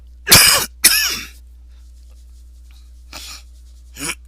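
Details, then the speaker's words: Persistent cough in an unwell adult who attributes it to allergies: two loud, harsh coughs in quick succession, then two softer cough-like bursts a couple of seconds later. "And yes, you'll probably more likely hear that persistent cough all through this recording. I'm not too happy about it, but you know,"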